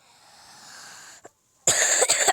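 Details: Child coughs while playing a game, mother's voice in background: quiet hiss, brief pause, then a sharp burst with a couple of quick follow-on pulses; short cough.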